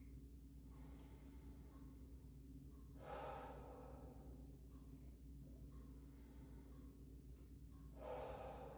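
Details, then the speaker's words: Adult male patient standing with arms crossed over shoulders, taking deep mouth breaths as a student nurse practitioner auscultates the back with a stethoscope during a respiratory exam. "I'll have you take deep breaths, which with every movement, and then we'll go through those special tests again."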